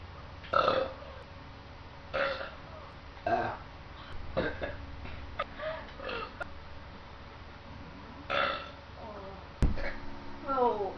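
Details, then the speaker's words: Person deliberately burping after drinking Jolt energy drink while playing a video game: repeated low, throaty, voiced belches with talk in the background. "We're drinking up some Jolt, because I remember last time I drank Jolt, I had like the beastliest burps ever."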